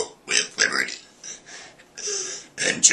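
Short series of voiced belches, shaped into word-like sounds; deliberate burp-talking.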